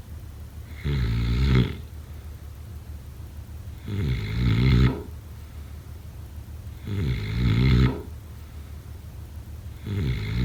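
Loud, rough snores on each in-breath, about 20 a minute, with quiet gaps between. Typical snoring during sleep.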